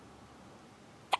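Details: A single short, sharp hiccup from a three-day-old newborn who is also snorting, in a quiet room.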